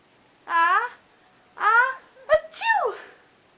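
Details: Pet blue-crowned conure imitating its owners' sneeze: drawn-out tonal 'ah… ah…' calls ending in a sharp 'choo'-like burst.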